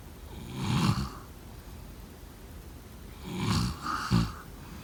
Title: #snoring #snoringsleepingsoundeffect #sleepsounds #snoringsounds #snoringasmr